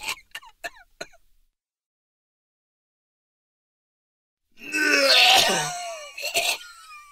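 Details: Simulated sound effect: acted harsh, throaty adult male cough of a sick person, raspy and clearing, after a few brief short sounds and a pause.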